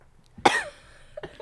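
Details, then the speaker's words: A single sharp, harsh, dry-sounding cough, then faint sounds, from a speaker during a conversation who says the cough is killing them: an ordinary cough. "Yo, this cough is killing me."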